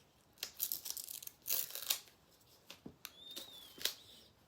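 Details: Medical tape tearing with short crisp rips and crinkling as it is applied to secure looped IV extension tubing along the arm after peripheral IV insertion, in a nursing skills demonstration.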